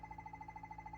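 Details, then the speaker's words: Yoshida CO2 dental laser firing after mode selection, ready button and full press of the foot switch: rapid regular electronic beeping, about thirteen short tones a second, the laser emission tone. "After that, the press down full switch. It sounds."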